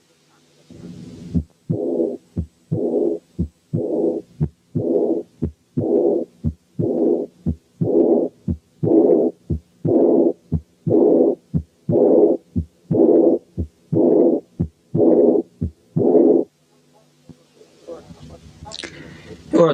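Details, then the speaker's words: Early diastolic murmur of aortic incompetence: begins immediately after the second sound with no gap, very high pitched, relatively loud at first then gradually fading. "فهم أولا early diastolic، يعني immediately بعد السكند ساوند، بحيث لا توجد أي مسافة ما بين المامر وما بين السكند ساوند. ثانيا very high pitched."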